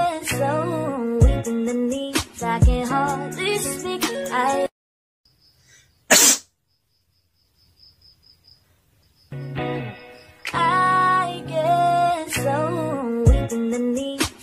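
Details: A single sharp, explosive sneeze in a pause between loud music passages.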